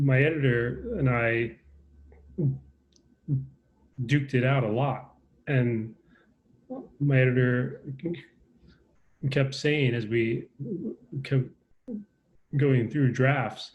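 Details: Adult man with a lifelong stutter, speaking in a recorded conversation; stuttering.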